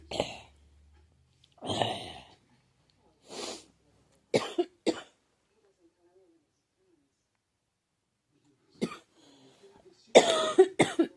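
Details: Girl who thinks she is getting a cold, with a scratchy, sore throat: several short, separate dry coughs over about ten seconds, the last a quick cluster; a cough of the kind heard with a cold.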